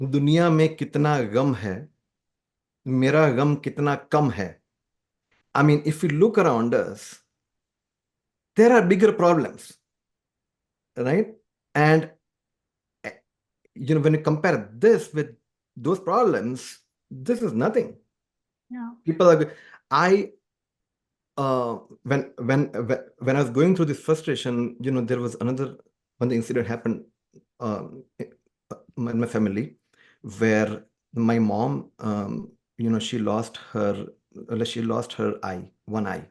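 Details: Adult man who stammers, speaking conversationally in a podcast interview; he says music has helped his stammering; stuttering (stammering).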